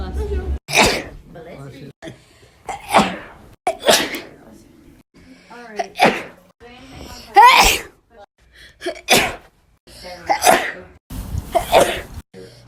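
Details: Sneezes: a series of about six sharp, explosive sneezes, some with a breath drawn in before them and short voiced sounds between.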